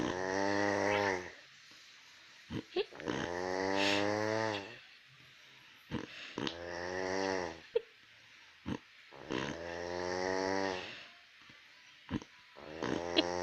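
Long, buzzy, voiced snores about every three seconds, roughly 20 a minute, with quiet gaps and small clicks between them.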